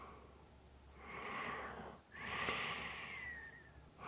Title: Snoring Sounds ZZzzz with a light whistle